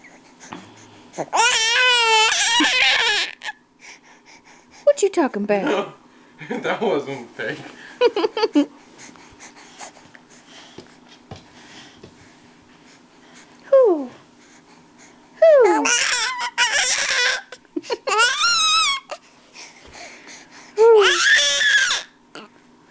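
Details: Fussy infant boy during tummy time, likely with tired arms, gives short wavering cries in bursts with quiet gaps and soft vocal sounds, an infant fussing cry.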